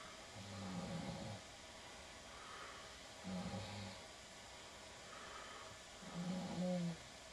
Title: I had to prove to my girl she snores.....It worked